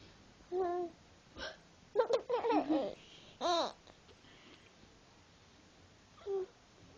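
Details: Short, sharp voiced catches repeating several times, mixed with a baby's laughter and babbling as the baby laughs on hearing the hiccups; hiccups.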